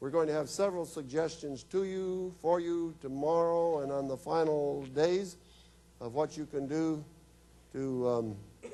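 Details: Woman whose larynx was removed, followed by radiation then chemotherapy, speaking with a battery electrolarynx held against her throat: electrolarynx speech.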